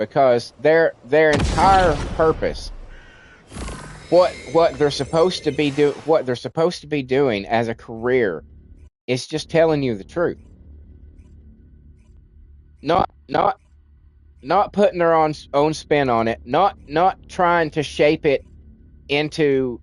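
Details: Adult man with a childhood speech impediment, treated with speech classes in kindergarten and first grade, who says it is milder now but audible when he talks a lot: stuttering.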